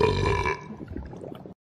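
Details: Animated 3D character, Charlie from Hazbin Hotel made in Garry's Mod, burping: a short, throaty, rumbling voiced belch that fades out; not a real person.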